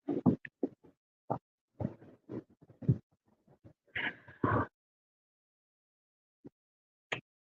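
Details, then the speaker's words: Adult's tummy rumbling while eating ice cream, with an urge to go to the bathroom: irregular low gurgling and bubbling bursts with brief higher squeaks, then quiet; stomach rumbling (borborygmi). "it's starting to it's starting to rumble the tummy already um yeah it it has so what happened is there is a a tummy rumbling that's taking place right now"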